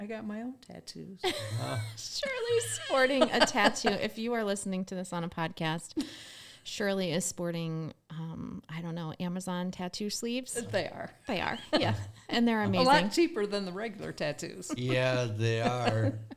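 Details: Adult speakers in conversation, mainly a woman; ordinary conversational speech.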